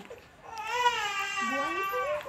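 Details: Young child crying: a brief, high-pitched wail rising and falling in pitch, in a small quiet room.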